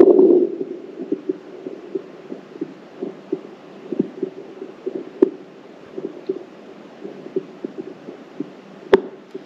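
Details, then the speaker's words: Recorded heart sounds played back from a 3M Littmann CORE digital stethoscope app: soft repeated thumps with a couple of sharp clicks. "Là, c'est un enregistrement pulmonaire comme vous l'entendez. Et là, un enregistrement cardiaque."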